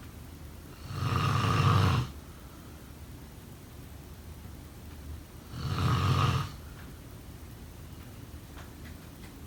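Low, rough snores on each breath in, about 13 a minute, with quiet pauses between them. Ordinary snoring.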